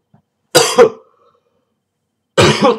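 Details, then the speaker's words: Two separate harsh, unproductive coughs with silence between, during recurrent coughing fits with a very sore throat, not relieved by tea, hot water or medicine; dry cough. "but yes um my throat is absolutely killing me i've been having dry coughing"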